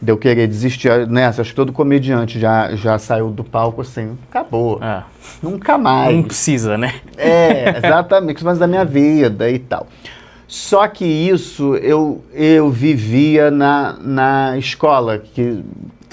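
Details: Stuttering since childhood in an adult male comedian; it runs in his family, and he stutters at some times and not at others.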